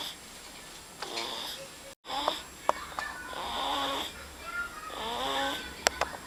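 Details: 2-month-old baby girl snoring: soft, noisy snoring sounds with a whistling, wheezy edge over a few breaths, against light room noise.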